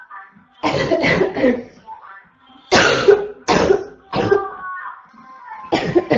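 Repeated harsh, hoarse cough bursts in quick clusters, with a strained throaty quality; a barking cough.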